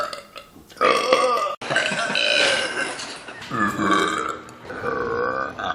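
Several loud, drawn-out voiced belches from the throat, one after another, in a small room.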